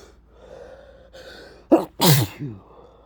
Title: ticklish stilfed sneezes (some hold backs and wet let out sneezes)